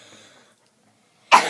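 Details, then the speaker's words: Real coughs from sick people demonstrating the polite way to cough, turning away and coughing into a bent elbow. "This is the polite way to cough. And those were real coughs, by the way."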